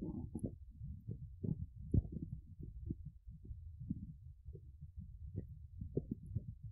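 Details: Woman's stomach rumbling, her belly described as hungry, empty and hollow; borborygmi, stomach rumbling.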